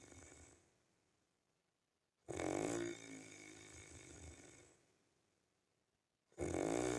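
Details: Real snoring: loud, harsh snores with a rattling, fluttering quality on each in-breath, separated by quiet pauses of a few seconds.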